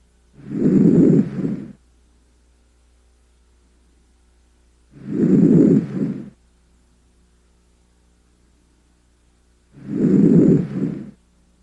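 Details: Normal vesicular breath sounds auscultated over the posterior thorax with the stethoscope diaphragm, patient breathing deeply through the mouth: three soft, rustling deep breaths, about 13 a minute.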